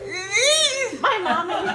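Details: A young child complaining that their teeth hurt wails with rising and falling pitch, then gives a shorter sobbing cry; child crying.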